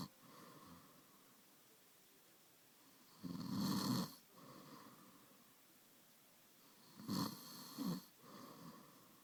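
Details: Rough, rattling snores on each in-breath with quieter out-breaths between, heard three times, from a sleeping male; snoring.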